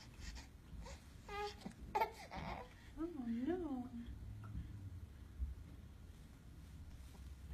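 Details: Brief whimpering cry with short rising and falling wails over room noise, from an infant girl during a chiropractic adjustment; she had been having trouble sleeping and latching onto one breast.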